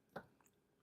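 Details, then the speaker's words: A single short, husky hacking cough from a small dog, heard in a quiet room. "Oh, my little dog has a cough. Could you hear it on there?"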